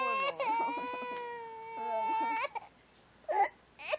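Sustained high-pitched infant wailing with catches and breaks between cries; an ordinary baby cry.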